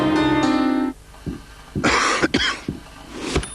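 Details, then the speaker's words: Staged cough in a TV public-health ad about self-medicating a cough that has lasted three weeks. A few harsh cough bursts follow a brief musical jingle. "Кашель триває третій тиждень, [кашель] а на роботі порадили чудодійний сироп."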